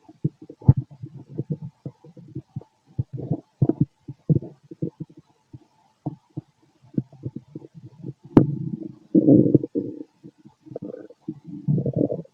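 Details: Stethoscope auscultation of a fit adult male's abdomen: irregular low gurgles and rumbling bursts, some longer and louder; ordinary active bowel sounds, stomach growling.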